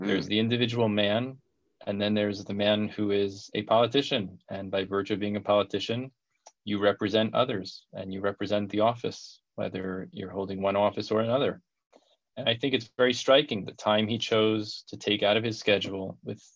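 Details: Adult man speaking; Normal speech.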